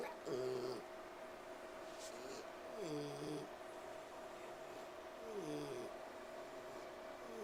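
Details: Resting pig wheezing while trying to sleep: pitched, squeaky whistling sounds with each breath, about 24 a minute, over steady hum.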